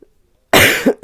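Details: After a brief silence, a single harsh, forceful cough bursts out and trails off, a cough during recovery from COVID-19.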